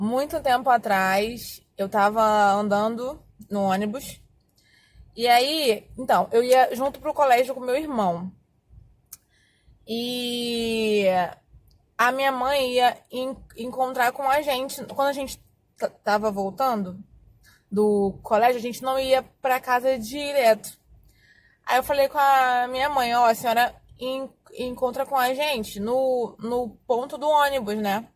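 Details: Adult woman who has stuttered for more than 20 years, speaking Portuguese; stuttering.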